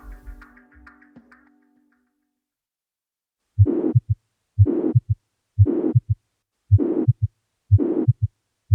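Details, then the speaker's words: Mitral regurgitation: regular heartbeat near 60 a minute with a steady, high-frequency, band-shaped holosystolic blowing murmur between the first and second sounds, loudest at the apex and radiating to the left axilla. "лентовидный панси салический шум более характерен для митральной регургитации вследствие ревматического поражения клапанов"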